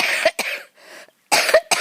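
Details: Two quick bursts of harsh coughs, about three in all, with a short pause, outdoors; the person says the coughing comes on when talking.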